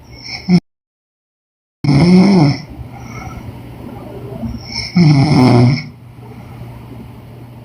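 Loud, low, groaning snores on breathing in, with quieter breathing between, about once every three seconds.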